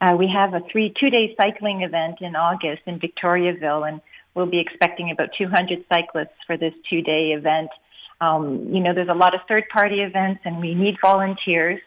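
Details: Adult woman speaking; typical speech.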